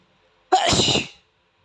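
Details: An Asian boy with a sensitive nose, whose nose is tickled with a tissue as he tries not to sneeze: a single sudden, forceful burst of air with a voiced tail, one sneeze.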